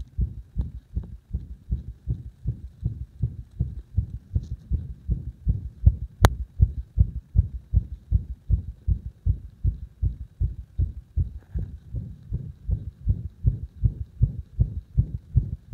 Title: 心臓の圧迫を徐々に強めて不整脈起こさせました